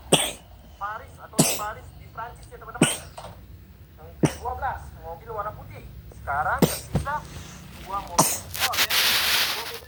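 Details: A young boy with a cough and cold: several sharp cough bursts, with soft voice sounds between them.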